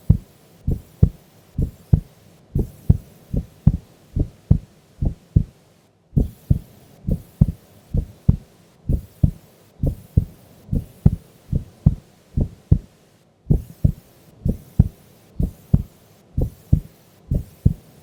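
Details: Female sleeping during an afternoon nap: steady paired heart sounds, about 66 beats a minute, regular and clear; normal resting heartbeat during sleep.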